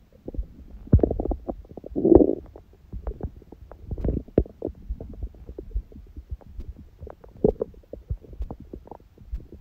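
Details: Bowel sounds recorded after a meal and after ab exercises on a raw-food diet, following a fast from 19:00 the previous day with a large first meal at 16:00: irregular gurgles, pops and rumbling squeaks throughout, active normal digestion.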